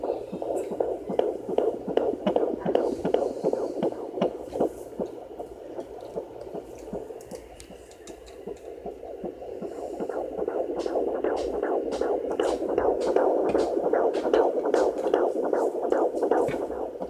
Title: Fetal doppler 15 weeks 4 days